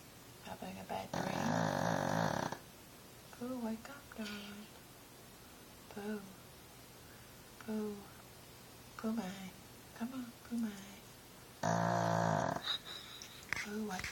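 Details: Female pug snoring while asleep and dreaming, not waking: two long, loud snorting snores with soft whimpers and squeaks in between.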